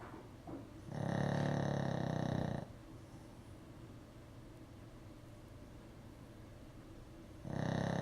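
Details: Sleeping dog snoring with long, low, rattling in-breaths, two heard with a quiet pause between; ordinary snoring.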